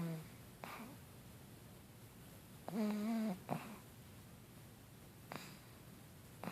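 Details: A sleeping pug gives a loud, rattly, tonal snore on one breath, with softer snorting breaths around it in a quiet room; snoring.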